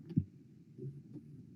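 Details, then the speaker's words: Continuous machinery murmur of patent ductus arteriosus, best heard left infraclavicular: heart sound then steady low, metallic rumbling carrying between beats, reinforced in systole, with thrill; increases with exercise, decreases with inspiration. "es un soplo continuo no es un soplo que lo llamamos un sop de vapor que se escucha mejor infraclavicular izquierdo"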